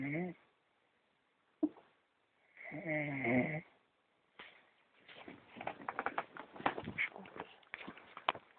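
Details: Person snoring while asleep in a dark room; snoring.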